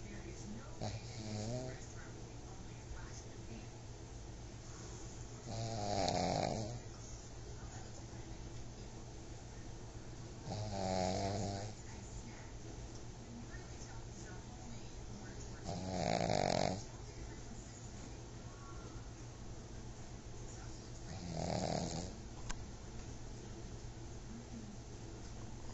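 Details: Sleeping pug snoring in loud, rattling bursts about every five seconds, roughly twelve per minute.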